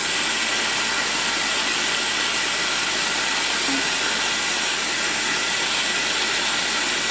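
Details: Steady high-pitched hiss and whine of a running dental drill during dental implant surgery in which three implants were placed, with no other sounds.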